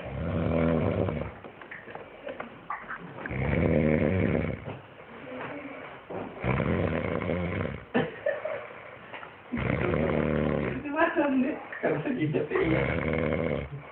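Loud, rough, rattling snores on repeated breaths, about five in fourteen seconds, with quieter gaps between; heavy snoring.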